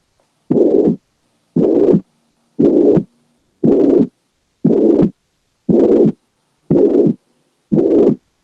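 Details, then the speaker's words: Holosystolic murmur from mitral or tricuspid regurgitation, heard at the mitral focus at about 58/min. It fills all of systole between S1 and S2, is bar-shaped and uniform, with strong intensity and high pitch. "a a lo largo de toda la sístole pero pues respetando s1 y s2 entonces se puede dar por insuficiencia mitral o tricúspide"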